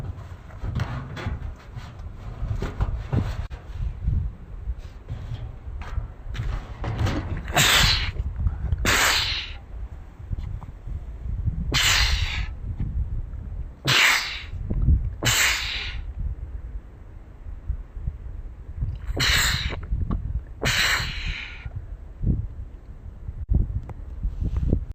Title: 7 sneezes back to back plus a couple more